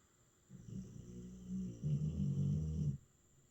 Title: The great Stella getting her snore on. #doggielife #comedyshorts #comedy #dog #snoringdog #snoring